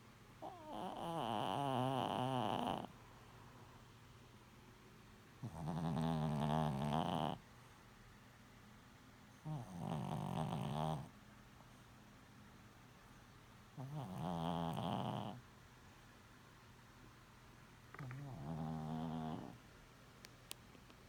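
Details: Snoring in a chihuahua: five rhythmic, fluttering snoring bursts, about 14 breaths a minute, in a quiet room.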